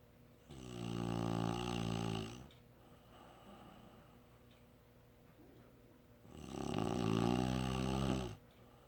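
Two loud, buzzing snores on in-breaths, each about two seconds, separated by a quiet pause: typical snoring.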